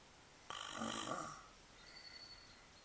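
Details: Snoring: one loud, rough snoring breath lasting about a second, then quiet room noise; a single snore.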